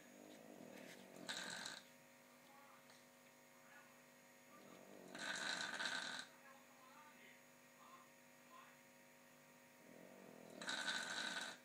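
Three loud rattling snores about five seconds apart, with quieter breathing between them and a faint room hum; a sleeping dog's snoring.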